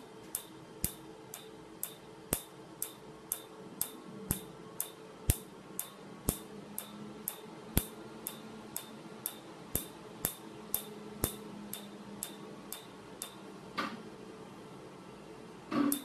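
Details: PicoWay picosecond laser, first tattoo removal session on a man's large back tattoo, patient rating pain about 6 of 10; sharp clicks roughly every half second over faint machine hum: laser tattoo removal pulses.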